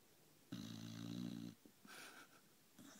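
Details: Female dog snoring after a long day of walking and eating: one buzzing, low snore followed by softer breathing noises.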